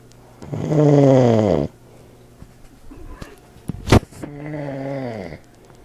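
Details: Old man snoring, recorded with an iPod speaker recorder: loud, rough, buzzing snores on breathing in, with quieter breathing between; snoring.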